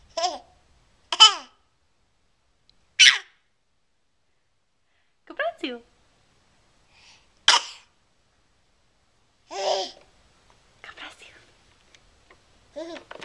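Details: Young girl sneezing repeatedly: a run of small, quick sneezes mixed with high giggles and babbling, recorded on a Flip Video camera.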